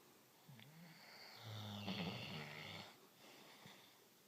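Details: Dog snoring: a single rough, rattling snore on the in-breath from a sleeping dog, with a quieter snort before it.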